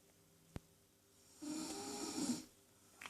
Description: Woman snoring naked